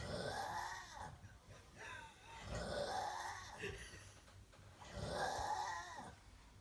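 Rough, growling snores with gurgling, roughly one breath cycle every two to three seconds; loud snoring.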